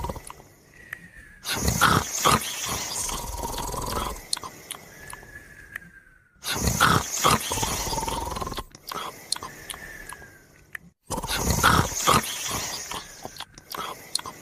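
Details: Moumou and his dog sleeping together, snoring: loud, harsh snoring breaths every few seconds with snorting noises and some faint whistling.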